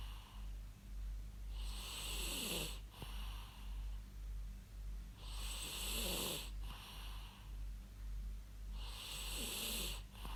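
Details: Snoring recorded from a real human, used as white noise: three loud, rasping snores about every 3.5 seconds, roughly 17 breaths a minute, over a steady low background hum; ordinary snoring.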